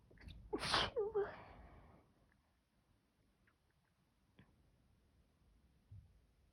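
A single sharp sneeze with a short vocal tail, then quiet room noise with a faint sniff or two.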